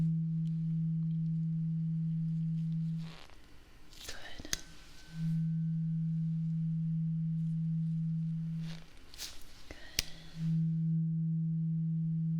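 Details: Role-played ASMR hearing exam: a struck tuning fork's steady low pure hum, broken twice by tapping and rustling before the tone resumes; the patient reports when the sound stops.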